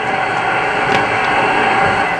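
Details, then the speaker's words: Parkinson's patient asleep during deep brain stimulation surgery, microelectrode 0.5 mm before target, bottom of five electrodes: steady dense crackling hiss of neural firing, the characteristic subthalamic nucleus signal; soft sleep breathing audible nearby. "이제 서서히 이게 하시상에게 특징적인 신호가 이렇게 나오는 신호입니다. 5개 중에서 맨 아래쪽에 있는 신호에서 하시상에게 특징적인 신호가 나오고 있고"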